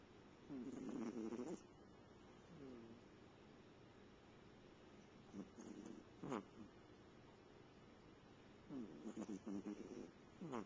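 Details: Sleeping cat snoring, recorded in 2009 with a Flip Video camcorder: soft, fluttering snores in bursts several seconds apart over faint room noise.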